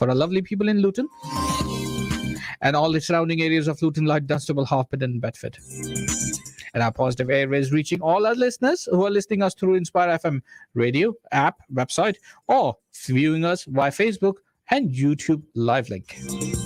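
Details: Adult male radio presenter; normal speech.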